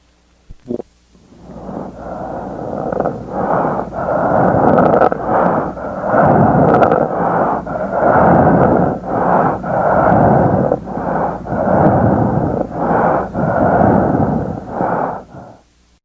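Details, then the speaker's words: Dying patient, heard over the mouth: loud, wet, gurgling crackles with each breath from accumulated airway secretions; death rattle. "a sign known to ancient Physicians as the death rattle you will now hear a death rattle in a dying patient over the mouth"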